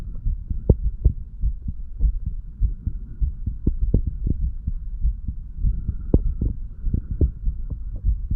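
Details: 35-year-old man recording his own heart while standing, listening over mitral, tricuspid, pulmonary and aortic areas and right ventricle; valves said to open and close nicely; normal heart sounds.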